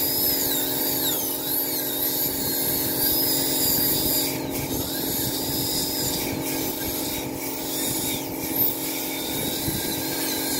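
Steady whine and grinding of a dental drill with scraping and rasping instruments during root canal treatment of an infected tooth.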